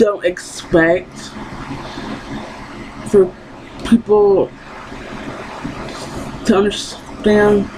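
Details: Woman who has stuttered her entire life and still stutters despite speech therapy; finding: stuttering.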